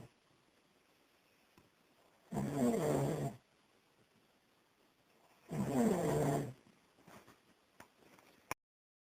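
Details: Snoring after someone drank too much on Boxing Day: two rough, rattling snores about three seconds apart, roughly 19 breaths a minute, in a quiet room.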